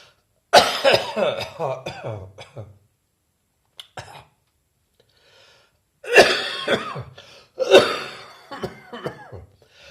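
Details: Adult coughing in clusters of harsh, rattly bursts with throat clearing: wet, phlegmy productive cough.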